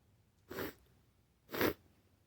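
Two short explosive sneezes about one second apart, in a quiet small room.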